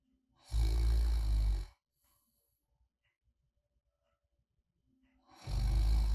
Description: 옆에서 가볍게 코를 골며 새근새근 잘 자는 친구와 함께 자는 느낌으로 듣는 백색 소음.